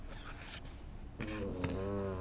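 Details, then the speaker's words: Small pet dog snoring in a quiet room: a soft, noisy breath gives way to a steady, buzzing, low-toned drone. "Alors, j'ai mon petit chien qui est en train de ronfler, peut-être que vous l'entendez."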